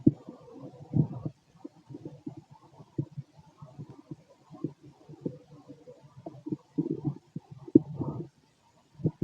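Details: Male abdomen 6 hours after eating: soft, irregular gurgles and low bubbling rumbles of normal digestion.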